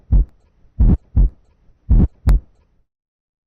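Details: Harsh heart murmur.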